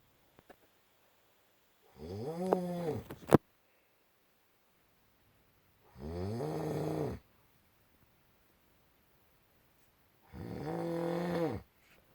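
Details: Adult man (husband) snoring loudly during sleep, keeping his wife awake: three long, rumbling inspiratory snores about four seconds apart with silence between.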